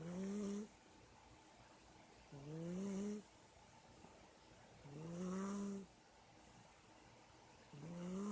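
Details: Cat snoring in the kitchen: soft, rising, tonal snores with each breath in, about four per twenty seconds, in a quiet room; ordinary cat snoring.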